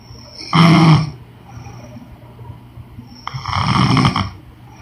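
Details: Woman snoring in sleep: two loud, rough, rattling snores on breathing in, with a quiet pause between them.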